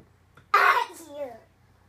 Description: Our 20 month old recently started to fake sneeze after we sneeze.